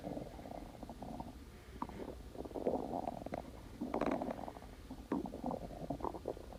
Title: Splendid stomach growling